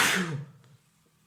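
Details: Acted role-play of a man with a cold that started yesterday, very congested with an itchy nose, sneezing strongly at night: a single sharp, hissing burst that fades quickly.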